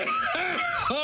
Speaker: whoa okay okay that was me sneezing and that's Sports okay thank you very much would it the sound of sneezing